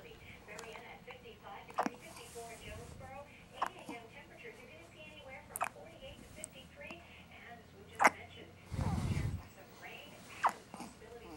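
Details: One-day-old baby girl with hiccups: soft, sudden catching sounds recur every few seconds over quiet room noise and murmured voices; the episode lasted about 6 minutes in total.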